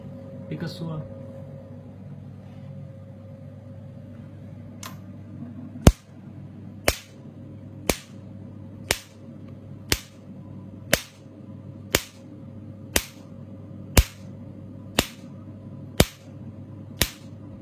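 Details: Picosecond 755 nm / Nd:YAG tattoo-removal laser (1064 and 532 nm heads, adjustable spot size) demonstrated: sharp snapping clicks about once a second over quiet room hum; laser pulses firing.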